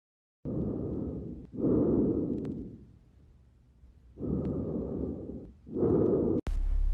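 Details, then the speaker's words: Normal lung auscultation demonstrated by a physiotherapist: soft, low rustling breath sounds over two full cycles, no wheezes or crackles; normal vesicular breath sounds (murmúrio vesicular). "E hoje nós vamos ouvir os sons da ausculta pulmonar e e o só um pulmonar Normal também é chamado de murmúrio vesicular"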